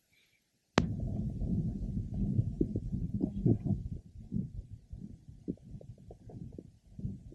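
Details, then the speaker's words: Listening over the abdomen of a mother. Soft rapid fetal heart sounds with a systolic murmur, a normal finding more likely in the second and third trimesters. "we are now listening over the mother's abdomen and a systolic murmur is heard in addition to the fetal heart sounds this is a normal finding more likely to be found in the second and third trimesters of"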